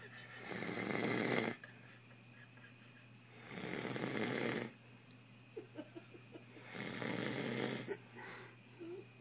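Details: Adult man snoring while napping: three loud, rough snoring breaths about every three seconds, roughly 20 a minute, over a steady background hum.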